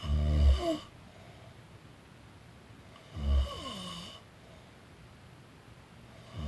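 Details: Person snoring during a nap: slow, deep, rumbling inspiratory snores with quiet pauses, about 20 breaths a minute.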